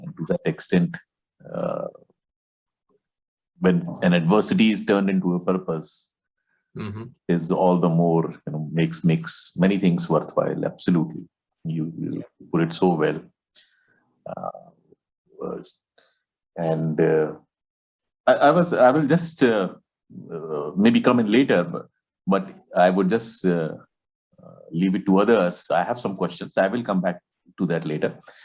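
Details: Adult male speakers in conversation; no disorder.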